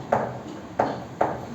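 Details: Simulated normal heart rhythm: sharp tapped beats imitating the plain two-sound beat, without an added third sound or gallop.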